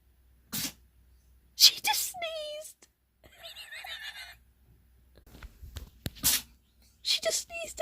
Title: sneezing cat very strange